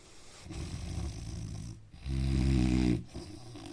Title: Indian man snoring sound